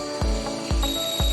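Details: Eighteeth E-Connect S endomotor with built-in apex locator running a rotary file at speed 350: steady electronic tones with regular low clicking pulses about twice a second; endodontic motor running.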